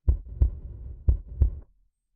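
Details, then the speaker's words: Normal heart sounds in a teaching clip: S1 ("lub") is louder, from atrioventricular valve closure at the start of ventricular systole; S2 ("dub") is shorter, about 0.10 s, from semilunar valve closure. "पहली ध्वनि तेज होती है जिसे लब कहते हैं और इसकी अवधि 0.16 से 0.90 सेकंड होती है। यह वेंट्रिकुलर सिस्टोल की शुरुआत में एट्रियो वेंट्रिकुलर वी के बंद होने के कारण होती है।"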